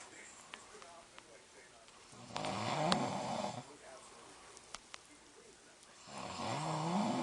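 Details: Husband snoring at night with TV speech in the background: two slow, rattling snores; snoring.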